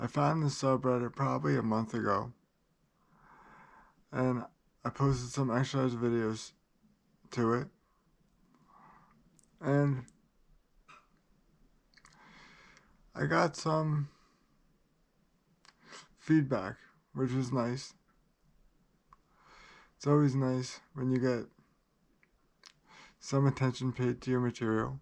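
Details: Adult man with cerebral palsy that he says places great limitations on him; dysarthria due to cerebral palsy.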